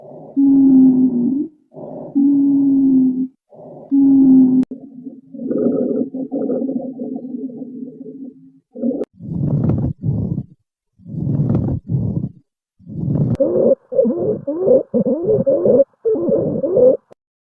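Low-pitched musical, groaning tones run through repeated breaths, an abnormal lung sound suggesting narrowed or secretion-filled airways.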